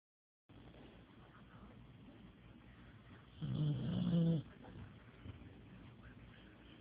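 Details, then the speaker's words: Pit bull dog snoring while asleep: low steady rumbling breathing with one louder snorting, vibrating burst. "Sadie, quit snoring. Sadie girl, wake up. Why you snore so loud?"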